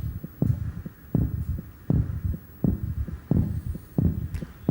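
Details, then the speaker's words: Regular low thudding heartbeats at roughly 80 beats a minute from a man's chest via microphone with room hum, during a televised demonstration of him voluntarily raising his heart rate; heartbeat. "We're going to listen to his heartbeat through this microphone."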